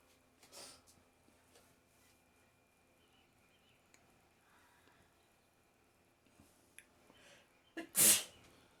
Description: Every Day I sneeze so much after wake up